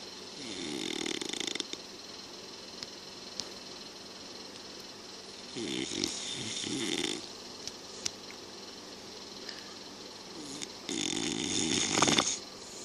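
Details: An adult man (a father) snoring: three loud rattling snores on breathing in, several seconds apart, with quiet breathing between; ordinary snoring.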